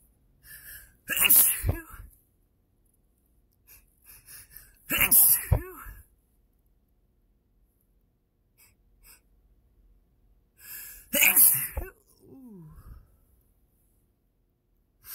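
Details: Three forceful allergic sneezes, each with a sharp intake and voiced burst, in a quiet room, from someone allergic to their own dog after sleeping all night snuggled with her; allergic rhinitis.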